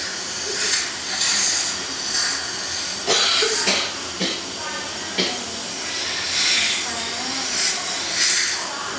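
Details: 5-year-old girl at a dental cleaning and fluoride visit after earlier fillings: bursts of steady airy hissing and spray with a few short clicks from dental cleaning instruments; an ordinary procedure sound.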